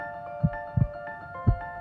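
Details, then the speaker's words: Normal heartbeat heard through a digital stethoscope in heart mode, which filters out surrounding voices: low, regular heart thumps, paired beats about once a second, with music playing behind. "आपकी भी आ रही है पर [संगीत] ये थोड़ा स्टंगर आ रही है।"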